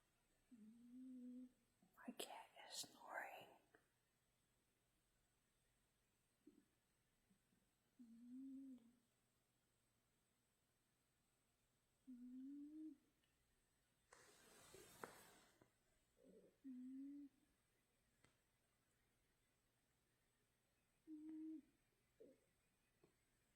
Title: My Cat snoring 🤣